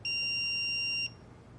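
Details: Real-time CPR and AED demonstration in adult mode: after analyzing heart rhythm and advising no shock, the AED sounds a single steady high beep lasting about a second, prompting CPR to begin.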